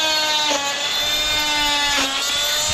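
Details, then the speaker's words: Vet removing a leg cast from a calf with an oscillating cast saw, blade moves back and forth without piercing skin: loud steady high whine, pitch dipping briefly as the blade bites into the cast. "This is an oscillating blade here. So, it doesn't actually pierce the skin. It's just going back and forth and it stretches the skin rather than actually cutting it. But the cast isn't stretchy. So it cuts"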